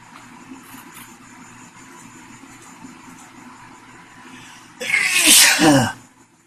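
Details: Man with a confirmed cold sneezing: one loud, explosive sneeze after a quick intake of breath, with steady traffic hum behind.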